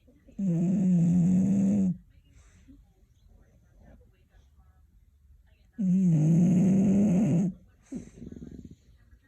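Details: Snoring: two loud, drawn-out rattling snores on breathing in, each about a second and a half long, with quiet breathing between them.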